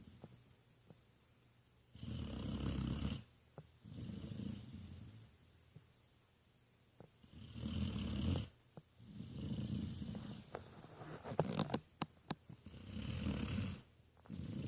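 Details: Sleeping puppy snoring: rough, rattling snores with each breath in, about six breaths over fifteen seconds, with quiet pauses between them.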